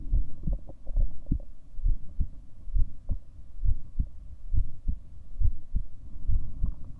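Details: Own heartbeat recorded over 7 minutes: low, muffled paired thumps at about 67 beats a minute, steady rhythm, over a low background hum.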